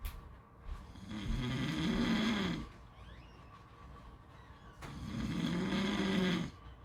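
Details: Two deep, rough snores on the in-breath, about two seconds each, with a quieter gap over steady outdoor background noise: snoring.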